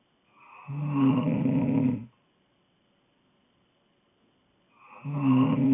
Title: Snoring girl